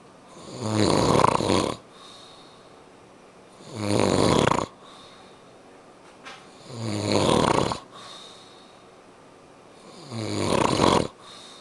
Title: me snoring